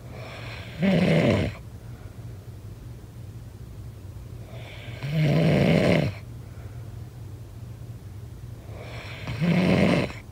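Three loud snores, evenly spaced at about 14 a minute, with a steady low hum in the room. Ordinary snoring during sleep.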